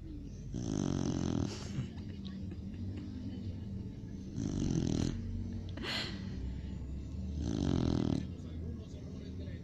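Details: Cocker spaniel snoring: three rattling, rumbling snores, about one every 3.5 seconds (roughly 17 a minute), over a steady low room hum.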